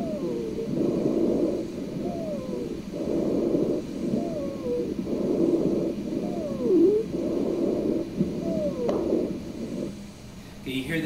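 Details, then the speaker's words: Repeated breaths, each ending with a high-pitched, musical whistling tone on expiration: expiratory wheeze. "so we typically hear wheezing first on expiration and then later on inspiration okay let's take a listen to what wheezing sounds like"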